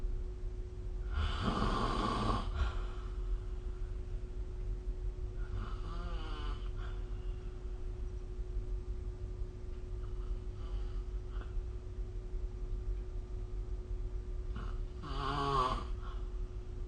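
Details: Recorded with the SnoreLab app during sleep: occasional rough, fluttering snores with quieter breaths between, over steady low hum and room noise; snoring.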